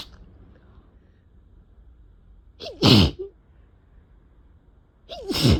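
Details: Uncontrollable sneezing fit with itchy face: two loud, abrupt wet sneezes, each preceded by a short sharp intake of breath, in a quiet room; sneezing.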